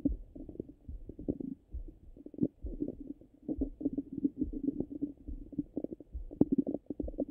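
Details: Stomach sounds recorded through a stethoscope, hungry and full states: frequent low gurgles and bubbling rumbles from the abdomen; active, normal bowel sounds.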